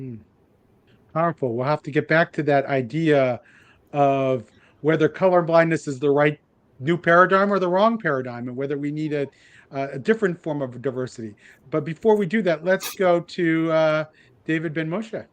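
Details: Adult male speaker; Normal speech.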